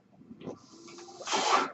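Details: A home mechanical ventilator used by the podcaster while speaking: a soft low murmur gives way to a rising, rushing hiss of air as it delivers a breath.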